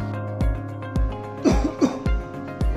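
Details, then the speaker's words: Acted demonstration of the wrong coughing habit, coughing in public without covering the mouth: several short coughs over steady background music; cough. "Nah tadi adalah kebiasaan batuk yang salah tidak menutup mulut saat batuk atau bersin di tempat umum"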